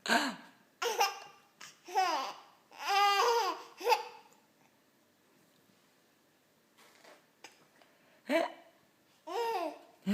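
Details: A baby laughing with hiccups: giggling and babbling broken by abrupt, short catches in the breath.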